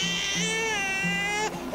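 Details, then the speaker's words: Infant colic cry: a shrill, sustained, high-pitched wail with a strained, suffering quality and a drawn-out ending. "o choro de cólica ele tenha um som de é mas com uma terminação de um uma rezinha no final é ele é mais estridente é um choro mais sofrido"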